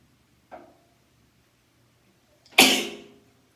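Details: Person sneezing nine times in a row using a twisted tissue, with sniffling and sighing: here a faint sniff, then one loud, explosive sneeze that trails off in a quiet room.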